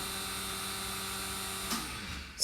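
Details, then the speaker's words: Ear wax suction machine running, recorded from the patient's seat position: steady motor hum with hiss, ending in a brief rustle. "I'm just going to go to the suction machine and put it on now"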